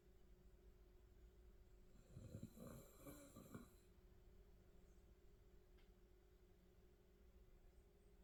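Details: Snoring: one rough, low rattling snore lasting about a second and a half, over a steady room hum.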